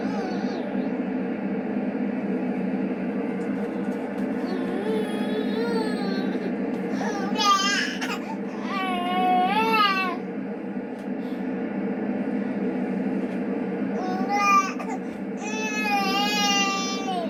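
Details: Baby boy fussing when put to bed: intermittent high-pitched whiny cries like a whining kitten over steady low background noise, poor-quality recording.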